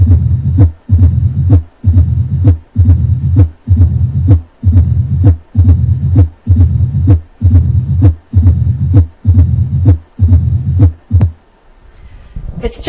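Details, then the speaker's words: Simulated mitral stenosis: three normal beats, then a low-pitched rumbling diastolic murmur at about 65 bpm, easily missed, heard with the stethoscope applied lightly at the cardiac apex. "this diastolic murmur is low pitched and rumbling in character and can be easily missed unless the clinician uses the the stethoscope applied lightly at the cardiac apex"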